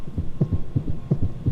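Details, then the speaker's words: Very fast heart tones heard by stethoscope on a simulated virtual-reality patient, confirmed on the monitor, with adenosine planned: supraventricular tachycardia. "holy guacamole you are running i can double confirm that's correct"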